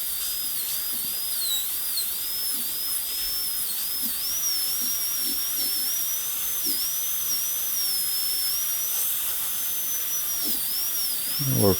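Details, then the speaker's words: High-speed dental drill preparing the isthmus and mesial and distal box forms for a gold onlay on model tooth #18, on a typodont. Steady high-pitched whine wavers slightly in pitch as the bur cuts. "so we'll start uh with uh preparing an isthmus and a mesial and distal box form just to simulate that there was an existing restoration there that we removed"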